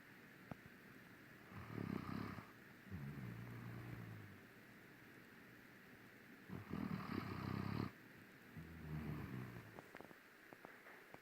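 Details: Two rough, rattling snoring breaths, each followed by a softer grumbling outbreath, in a quiet room; snoring.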